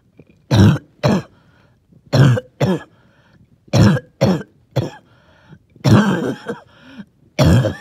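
Six harsh, wet coughs, some in pairs, with faint whistling tones between them; a wheezy, phlegmy productive cough.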